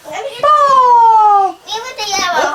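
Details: Two-year-old boy at home during an early intervention session; childhood apraxia of speech.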